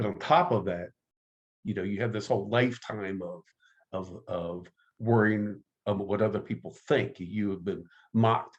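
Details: Stuttering in an adult man who identifies as a person who stutters, recalls being mocked by a teacher at age 10, and has been active in the stuttering support community for over 25 years.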